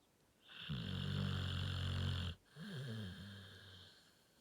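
A loud, low rattling snore on the in-breath, then a softer, groaning out-breath. Typical dog snoring during sleep.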